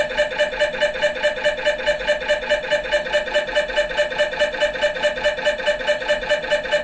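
Loud, steady machine pulsing at about 143 per minute with a buzzing, tonal hum: the typical knocking noise of an MRI scanner during imaging.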